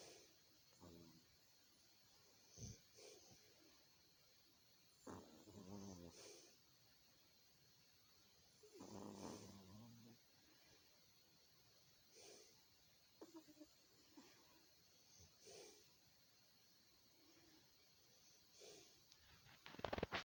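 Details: Sleeping pet snoring softly and rhythmically, with rattling snorts on some breaths and quiet pauses between.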